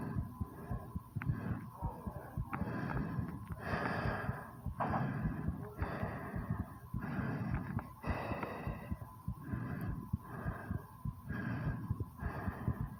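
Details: Fast, deep, effortful breaths with loud air rushes just after 20 squats, with the heartbeat also recorded; normal heavy breathing after exercise.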